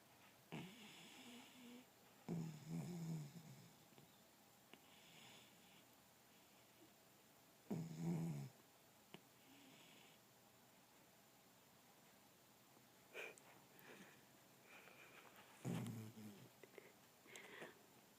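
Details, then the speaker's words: A puppy named Lola snoring while asleep: four separate low rattling snores spaced a few seconds apart, with quiet room noise between. "we have a snoring puppy on our hands"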